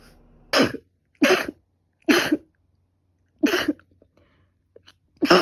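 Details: Five sharp, explosive sneezes in quick succession from a person with a cold plus allergic rhinitis, runny and stuffy nose, and five days of fever.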